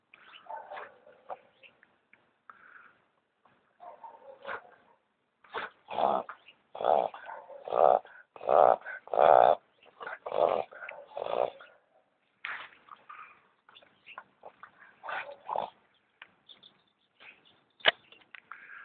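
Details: Boston Terrier with hayfever after running through weeds and brush gives a run of forceful nasal snorts and sneezes, clearing irritation from his nose.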